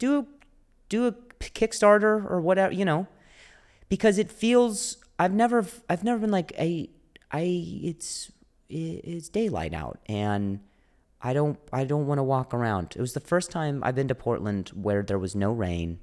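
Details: Adult male comedian who stutters; stuttering with repeated words.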